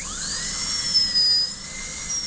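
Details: Steady high-pitched whine of a high-speed dental drill, dipping slightly as the bur cuts, in a Class II amalgam cavity preparation on a manikin simulating patient treatment in a restorative dentistry class.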